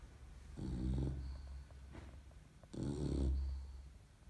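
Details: A young English Bulldog snoring: two long, loud, low rumbling snores with rattling breaths between them.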